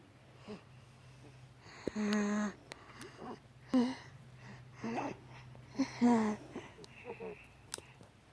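A child's noisy breathing with repeated musical, whistling sounds on several breaths, fitting wheezing with a stuffy nose.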